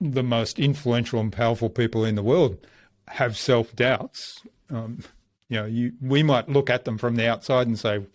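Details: Adult male speaker; normal speech.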